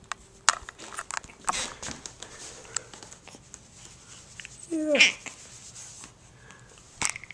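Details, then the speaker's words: Infant lying on a playmat, recorded with a Flip Video camcorder, gives frequent brief, sharp hiccups at irregular intervals a few seconds apart, with one short squeal and faint crinkling in a quiet room: infant hiccups. "you Always have the hiccups so cute"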